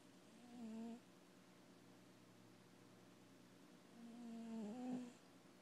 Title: snoring.